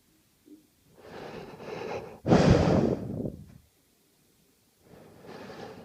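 Noisy breaths during sleep: a rough, rattling snore with a loud snorting burst, then quiet and another breath begins; snoring.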